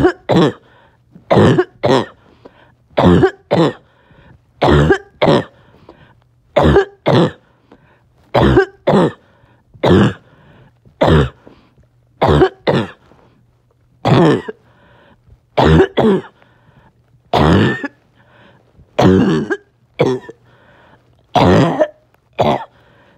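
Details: Child with a barking cough on and off all day; harsh barking coughs, mostly in pairs, repeating steadily in a quiet room.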